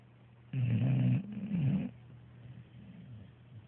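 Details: Snoring: a single low, rumbling snore in two parts, followed by quiet breathing.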